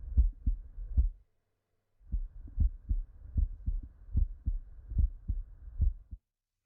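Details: Cardiovascular exam: low, regular heart thumps through a stethoscope at about 75 beats a minute, with a brief pause; heart sounds.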